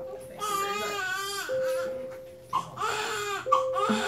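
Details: Newborn boy just delivered by planned C-section to a mother with hypertension diagnosed in the third trimester: loud, clear, strong cries in repeated bursts with small-room echo; vigorous healthy cry, checked and found fine.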